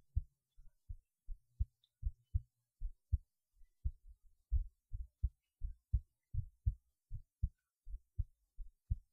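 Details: Heartbeat recorded while lying on the left side: regular paired low thuds at about 80 beats a minute, steady rhythm.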